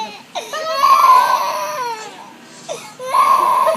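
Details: Young child crying in loud, sustained wails with short pauses between bursts, in a small room.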